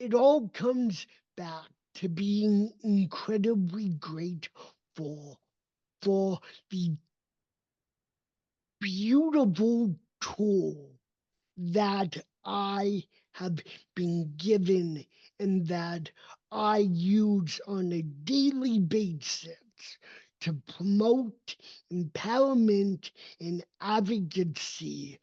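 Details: Dysarthria in an adult man with cerebral palsy, a neurodevelopmental disability affecting his motor development and movement.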